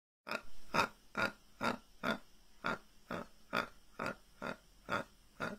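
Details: Man with severe Tourette syndrome producing a raven/crow-like vocal tic; the episode lasted two to three hours, hurt his throat, and left him unable to talk; vocal tic (Tourette syndrome).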